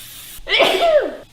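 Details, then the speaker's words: A single loud, explosive sneeze with a quick in-breath before it, from a female health and fitness influencer with bad allergies, in a hotel room; ordinary sneeze. "Sneeze. Oh, I have bad allergies here. I don't know why. You have allergies everywhere."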